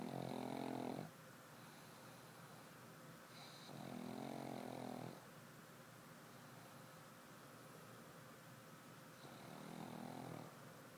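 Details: Black pug asleep in bed and dreaming: rhythmic rattling snores, one on each breath about every four seconds, with quiet room hiss between them; snoring.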